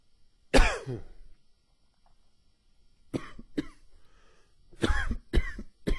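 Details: Adult with wheezy cough attributed to changing weather and spring pollen: about six short coughing bursts, some with a whistling, wheezy edge.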